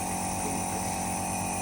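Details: Otica ONEB-11 compressor nebulizer running with medicine in the chamber and a mouthpiece connected, producing a fine mist: steady mechanical hum and buzz.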